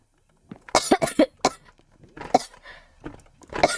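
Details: Girl coughing while unwell with a headache: a run of about six to eight quick, harsh coughs in two bursts in a quiet room.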